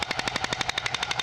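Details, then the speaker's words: Shockwave therapy machine on a physical therapy patient, using a small head with adjustable rate and strength: rapid, regular sharp clicking pulses, about twelve a second, meant to break up tissue. "you can adjust how fast and hit you and how strongly it hits you okay so it's going to sound like this"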